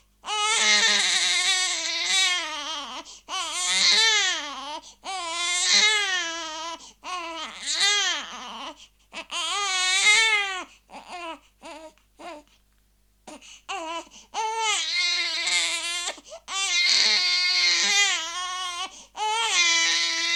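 A baby cries in repeated loud, high-pitched wails separated by brief breaths.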